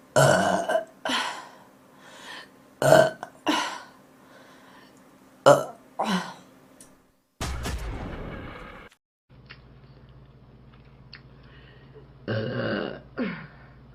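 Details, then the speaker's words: A Korean streamer belching: a run of loud, deep, drawn-out burps, about seven in fourteen seconds, with brief pauses between, while apologising and attempting a big burp. "트럼이 오지게 나옵니다. 죄송합니다."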